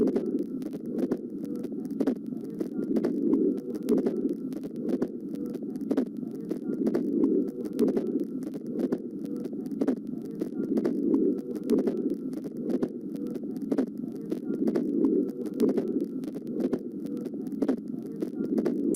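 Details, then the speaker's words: Fixed split S2 heard as a doubled second heart sound in a regular heartbeat over a steady low hum, from a nursing teaching recording. "لنستمع معا الى الدكس سبليت اوف اس 2"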